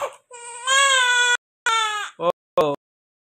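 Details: Strong, clear cry from a newborn right after birth delivery in several bursts with short pauses, jokingly said to be hungry; a vigorous first cry.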